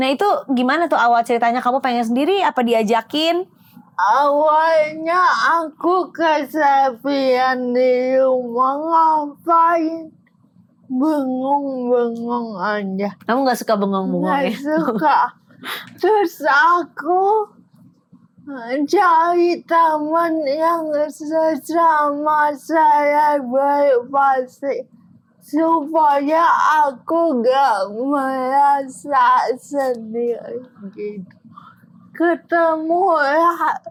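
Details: Young adult woman with cerebral palsy limiting gross and fine motor skills; dysarthria (cerebral palsy).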